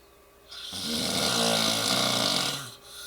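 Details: Sleeping dog snoring: a single drawn-out, rattling snore with a strong hissing airflow sound; ordinary snoring.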